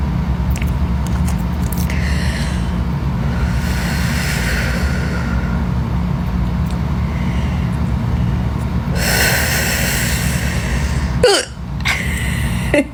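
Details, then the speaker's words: Over a steady low engine rumble, a person has painful, full-force hiccups felt deep in the chest: a few sudden, sharp gasping catches of breath, the last two abrupt and forceful. "I already know I'm going to be mortified with how these sound hiccups are the worst"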